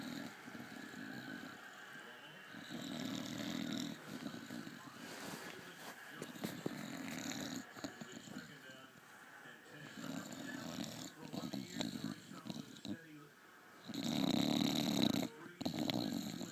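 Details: Bulldog snoring: loud, rumbling, vibrating bursts with each breath, some much louder than others, with faint background noise.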